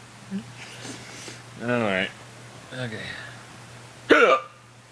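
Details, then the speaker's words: A person's own uncontrollable, loud hiccups, which they say hurt and which they are trying to make stop: a few sharp, abrupt voiced gulps at irregular intervals in a quiet room. "this is me hiccuping. I I can't control it."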